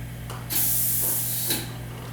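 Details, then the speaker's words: Dental prophy jet unit (baking-soda powder with water and air pressure) being troubleshot: hissing air spray that fizzles without a steady water stream; insufficient water delivery. "first problem is i don't have any water i can't get enough water out of this unit so we're going to try the water"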